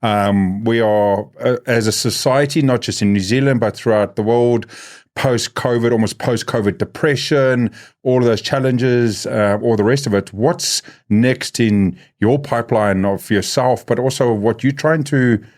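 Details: Adult male born with cerebral palsy, congenital and lifelong, who calls it a physical disability affecting how messages travel around his body; real speech; dysarthria (cerebral palsy).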